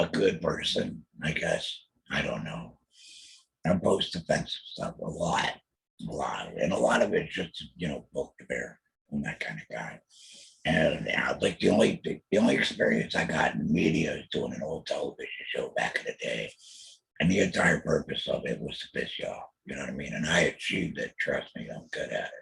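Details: Alaryngeal (substitute) speech from a male laryngectomee after a 2020 total laryngectomy for laryngeal squamous cell carcinoma, followed by chemotherapy and radiation; he mentions using an electrolarynx.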